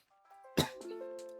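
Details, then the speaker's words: A single short, open-mouthed cough from a sick adult man, heard over steady background music. "Another open mouth toddler cough, by the way. I'm sick."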